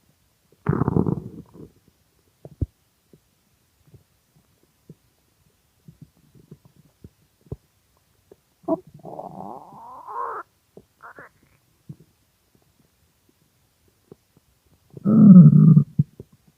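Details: Extremely hungry stomach growling: loud, low gurgling growls with quieter clicks between them; normal hunger borborygmi.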